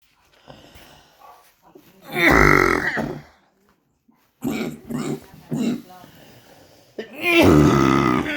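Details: Adult born in 1962 with oesophageal atresia and tracheoesophageal fistula, after 4 weeks of cough and two hospital visits: harsh, brassy, barking coughs in repeated bursts.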